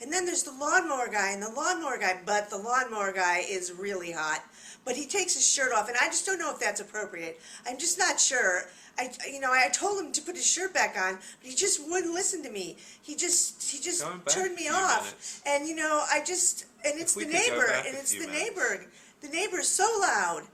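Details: Pressured speech in a guided-practice case, coded as such for its fast rate and difficulty for the interviewer to interrupt; thought process circumstantial, possibly with rumination.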